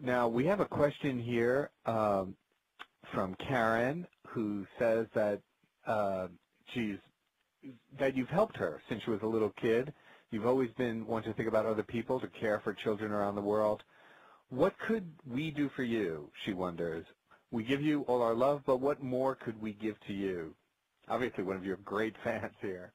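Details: Adult male speaker; Normal voice.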